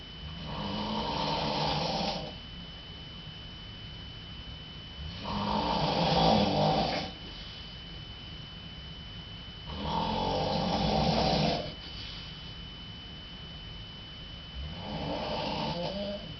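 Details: Mother snoring in her sleep in the middle of the night, recorded through a door: four rough, rumbling inspiratory snores at about 13 per minute, muffled.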